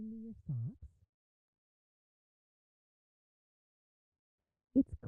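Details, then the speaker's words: Simulated moderate sensorineural hearing loss (inner ear or auditory nerve), demonstrating how speech such as "it's cold outside, can you please bring me your socks" sounds to a child with this hearing level. "the next two are examples of moderate and mild sensory neural hearing loss the last sentence will sound as it does for someone with typical hearing"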